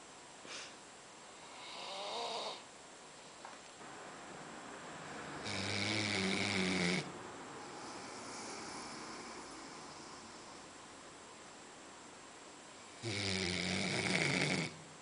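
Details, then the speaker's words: Loud, rattling snores with a snorting edge from a sleeping dog sold as a Labrador, a few breaths over fifteen seconds with long quiet gaps; ordinary snoring. "pero estoy conectando estamos hablando y ronca"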